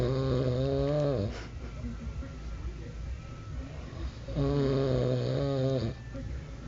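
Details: Snoring: two loud, low, rattling snores on breathing in, with quieter breathing out between them.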